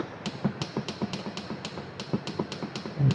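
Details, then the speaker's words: Wall-mounted infant radiant warmer (Uniwer) control keypad: low-temperature alarm muted, then quick regular key taps with short beeps while setting temperature to 33 °C. "അപ്പോ just ഒന്ന് mute ചെയ്തു കൊടുക്കുക അപ്പോ നമ്മൾ നമുക്ക് ആവശ്യമുള്ള temperature ഇതിൽ സെറ്റ് ചെയ്തു കൊടുക്കാം"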